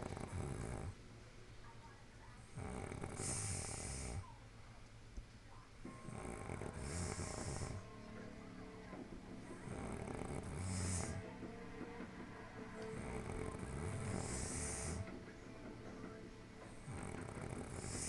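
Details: Loud, rough snores repeating in a steady rhythm about every four seconds, with music in the background; snoring.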